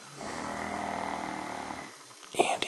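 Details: One long, rough, rattling sleep breath followed by a brief snort from a sleeping person; a single snore.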